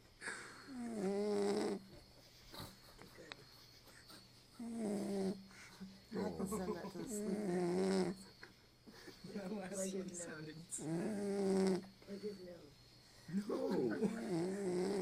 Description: Our little dog P-Nut the Cock-a-poo snoring